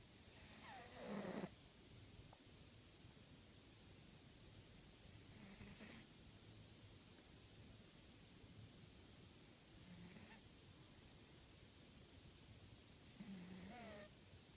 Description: Oliver the cat snores in his sleep.